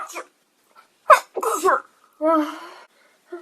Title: Beautiful Japanese Girl sneezes uncontrollably